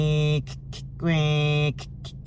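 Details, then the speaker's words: Two long, steady buzzing hums with short pulses between them: a woman with breast cancer vocally imitating the final sequence of her MRI scan, which broke from the usual rhythm of five or six clicks then a loud buzz. "I appreciated the consistency of the Rhythm and the the tempo because I knew like okay I'm going to hear like five or six clicks and then a loud buzz and then five or six and a loud buzz so I was expecting certain things"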